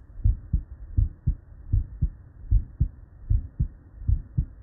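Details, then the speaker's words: Normal heart sounds played as a control: crisp, regular S1 and S2 at about 77 beats per minute with clear gaps and no murmur. "before we do here's a control of normal S1 F2"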